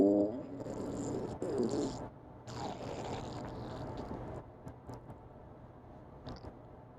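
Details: Hungry adult female after a day without food: loud low rumbling and gurgling from the abdomen with brief squeaky tones, stomach growling (borborygmi).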